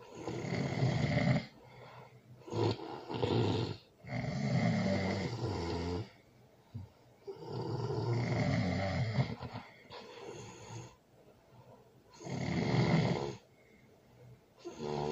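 Loud rough snores with each breath, about 15 a minute, some broken into bursts; heavy snoring during sleep.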